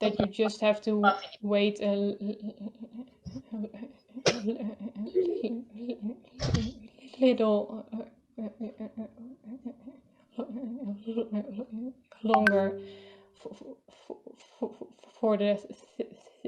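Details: Adult speaker; stuttering.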